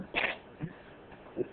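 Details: Daniel, deliberately faking sneezes: a single short, sharp sneeze-like burst followed by two faint sounds; a faked sneeze.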